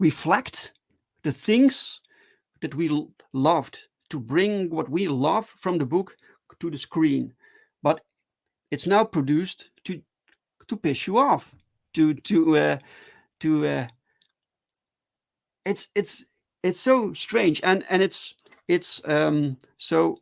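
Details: Adult male with stuttering, speaking live in a solo stream: stuttering.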